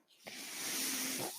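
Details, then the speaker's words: Adult podcaster's own mechanical ventilator heard in the background while speaking: a steady rising hiss of air as it pushes a breath. "noise you're hearing is my ventilator and welcome to page-turners"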